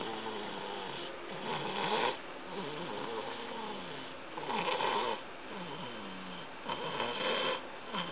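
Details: A 13-month-3-week-old toddler, very tired and asleep in a car, snores loudly: steady soft snoring with three louder rattling snores over eight seconds.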